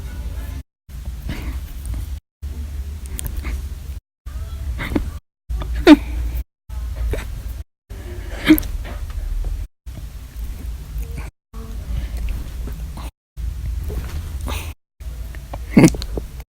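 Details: Person with daily recurring hiccups, recorded July 2019, hiccups described as a little audible: a few sharp, abrupt catches of breath, three clear ones, against a low hum.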